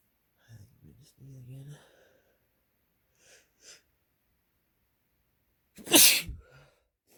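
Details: Male, wet sneeze: voiced catches and short hitching breaths, a pause, then one loud explosive sneeze; sneezing with build-up hitches.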